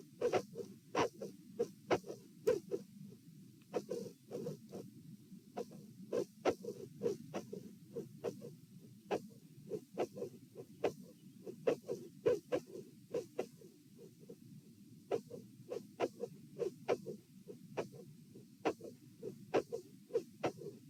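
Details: Heart sounds recorded at position A during an auscultation stress test (lying, sitting, standing) in dilated aortic root: sharp, very loud clicks near 68/min over rumbling murmur; mid/late systolic aortic vascular click with S2 murmur.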